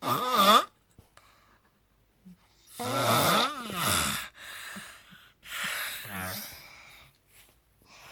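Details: Loud, rough snores a few seconds apart in a quiet room; loud snoring.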